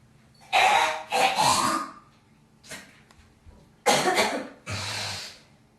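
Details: Girl coughing and hocking phlegm: two harsh, wet coughs, then a brief pause and two forceful hawking throat-clears, a productive cough bringing up phlegm.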